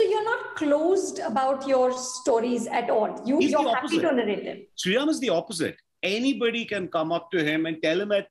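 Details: Adult woman speaking; typical speech.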